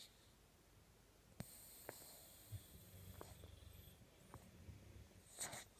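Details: Sleeping female boxer puppy snoring heavily: low, rough, rattling breaths with a few soft snorts in a quiet room.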